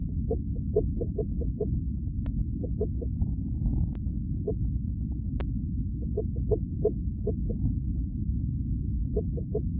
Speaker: so let me just let y'all hear the baby heartbeat